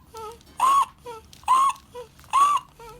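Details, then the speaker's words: An infant with inspiratory stridor, breathing fast at about 60 a minute with increased work of breathing and retractions; a harsh, high-pitched, musical crowing noise on each breath in. "Stridor is a musical noise that people make when they breathe in, usually through something floppy or something narrow. It sounds like this."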